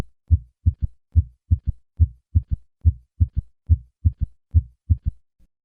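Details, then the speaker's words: Third heart sound (S3 gallop) with stethoscope bell held lightly at the cardiac apex: regular heartbeat near 70 a minute, three normal beats then a soft, low-pitched early-diastolic extra sound just after the second heart sound. "listen to a third heart sound i will begin with three normal beats and then add the third heart sound"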